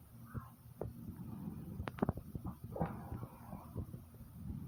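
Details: Person's own heartbeat at rest: soft low thumps at a calm, steady, normal rate under rumbling and handling noise; normal heart sounds.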